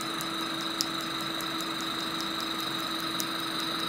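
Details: Steady electronic hum with faint regular ticking from a Discovery PICO picosecond laser firing during a tattoo-removal session with a DESCRIBE PFD patch. The patient is breathing in through the nose and out through the mouth and finds the area sensitive.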